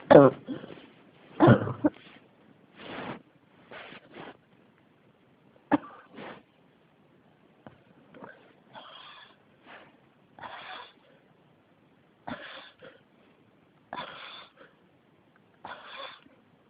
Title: 咳が止まらない 42 cough